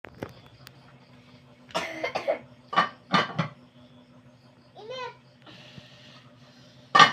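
Several harsh coughs come in short clusters over a quiet room hum, with a brief voiced sound between them: repeated coughing.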